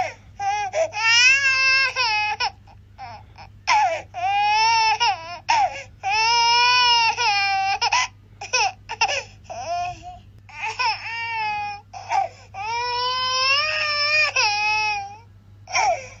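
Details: Loud, sustained rhythmic wails with brief catch breaths and a steady low hum behind; ordinary vigorous infant crying.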